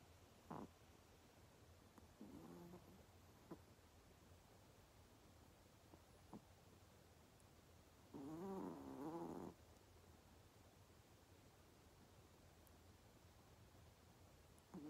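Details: Sleeping Pomeranian dog: faint soft snores with a rattling snore midway and a few small snorts; snoring.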